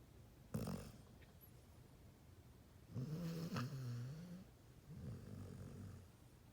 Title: Doggie snoring